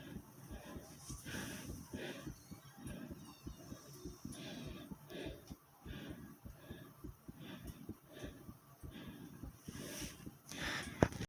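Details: Rapid, muffled low thumps of a fast heartbeat mixed with irregular gurgling stomach noises, recorded as the stomach growled during heartbeat recording.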